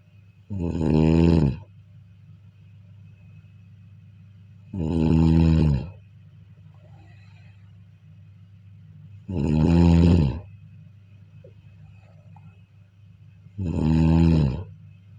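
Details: Steady sleep snoring: loud, rumbling snores about every four seconds, roughly 14 a minute, with quiet breathing between.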